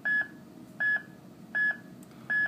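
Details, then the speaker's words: Manual monitor-defibrillator sensing through paddles, sternal paddle below the right clavicle and the other on the axillary line: regular monitor beeps near 80 per minute tracking normal sinus rhythm. "if we look at the monitor now we can see that the paddles are sensing the electrical activity of the heart and that that activity is normal sinus"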